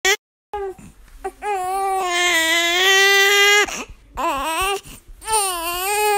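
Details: Baby crying in long, strong wails with brief gasping breaths between them.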